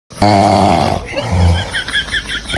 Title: snoring 🤣🤣#Funnyvideos #shorts